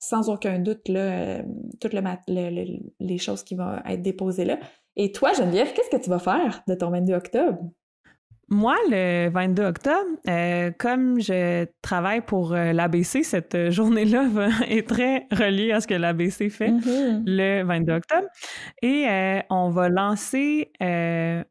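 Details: Stuttering in an adult woman who stutters and is a master's candidate in speech-language pathology, speaking in French.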